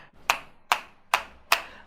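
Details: Four sharp, evenly spaced tapping clicks, about two a second, from a hand-held hammer-and-chisel chiropractic instrument adjusting the mid thoracic spine of a young woman with neck pain radiating to the arm and low back pain: chiropractic instrument adjustment.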